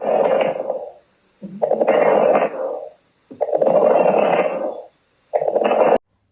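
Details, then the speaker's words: Lung auscultation demonstration through a stethoscope: fine, brief, discontinuous crackling pops scattered through each breath phase. They are linked to fluid or secretions in the alveoli, and fine crackles are described in cystic fibrosis. Fine crackles. "Hay crepitantes gruesos que se escuchan en neumonía y en insuficiencia cardíaca y también crepitantes finos que podemos escuchar en fibrosis quística."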